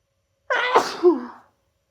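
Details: A single sharp adult sneeze during an annual cold, after holding in sneezes at work all day: a quick indrawn 'ah' followed by an explosive burst that trails off.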